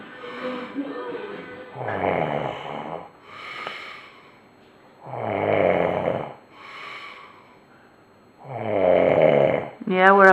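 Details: Loud, rattling snores in a regular rhythm, about 17 breaths a minute, with quieter breaths between; heavy snoring from a sleeping person.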